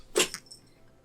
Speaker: My cat just sneezed, could you hear that?